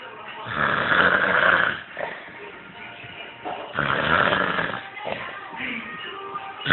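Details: Loud, rattling snores on each in-breath, two long cycles with softer breathing between; heavy snoring in a person sleeping after too much work.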